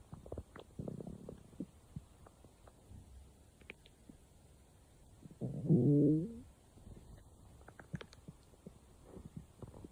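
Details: Stomach growling: soft low rumbles and scattered gurgles with one louder growl midway; ordinary bowel sounds (borborygmi).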